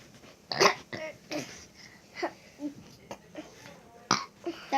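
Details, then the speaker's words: A brother burping deliberately on request: a run of loud burps, some short and some drawn out, with brief voices between. "I can't even make myself burp. Make yourself burp."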